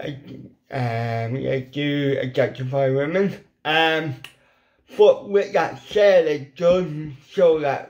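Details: Adult man with ataxic cerebral palsy, also with involuntary hand shake and epilepsy, whose lip muscles are paralysed and weak; a lifelong speech impediment, once understood only by his mother in childhood: dysarthria (cerebral palsy)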